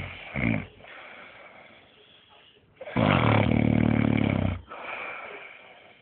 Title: snoring